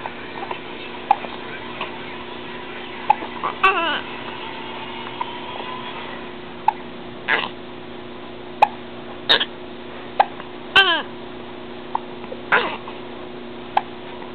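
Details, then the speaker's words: 6-week-old baby boy with violent hiccups that seem to hurt him: repeated short, jerky voiced gulps about every one to two seconds, steady room hum behind; hiccups. "I shouldn't be laughing at you they hurt oh you get violent violent hiccups huh buddy"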